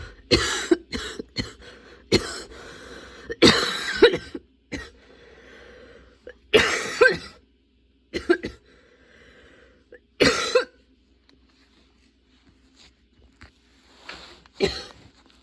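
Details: Sudden-onset, unexpectedly long nonstop coughing fit that kept worsening, bringing tears and constant position changes: repeated harsh coughs and throat clearing in clusters with short gasping pauses; prolonged coughing fit.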